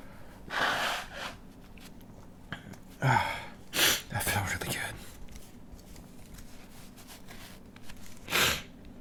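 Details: An adult induces sneezing with a stiff paper tag in the nostril: gasping breaths build to several breathy sneeze bursts, separated by quiet pauses and sniffing.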